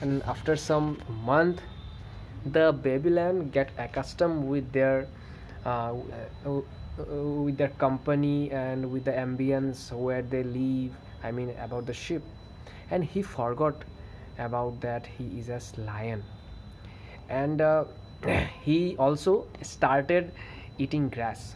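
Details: Adult male who stammers, narrating a story, with word repetitions such as "there is a there's a"; stuttering.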